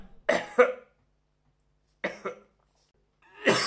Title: Human Male Coughing Audiomonkery Sound Effect 1